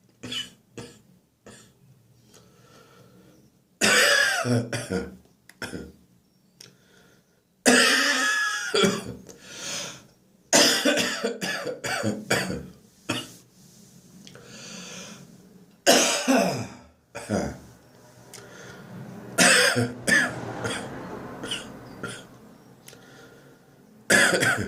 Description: My throat infection has given me a dry, slightly painful cough.